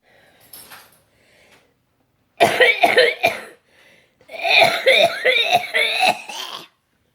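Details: Person with cystic fibrosis just home from hospital, still on antibiotics: two runs of hard, repeated harsh coughs, about nine bursts in all; a forceful CF coughing fit.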